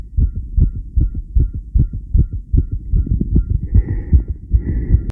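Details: Steady tachycardia: fast, regular heartbeat at roughly 150 a minute with a faint repeating beep behind it.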